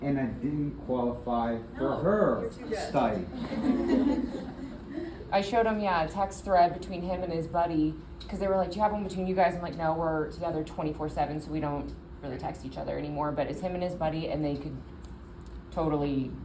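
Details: Adult woman speaking; typical speech.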